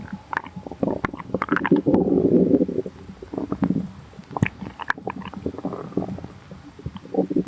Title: Thank yall for 100 subscribers!!💝 | stomach growling